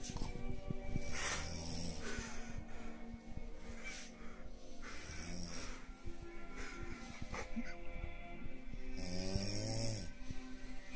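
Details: Mother asleep, snoring loudly with rough, rumbling snores repeating on each breath over background music; ordinary snoring.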